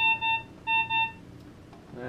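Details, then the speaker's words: Zoll ProPaq MD monitor driven by a simulator raised to 160 bpm during heart rate limit testing: repeating pairs of high electronic beeps, the high heart rate alarm. "all right we're at one 60 now so it should start alarming high pressure"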